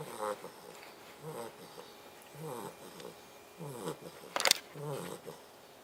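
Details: Sleeping Labrador puppy snoring: soft, repeated rattling snores with each breath, with one brief louder noise partway through.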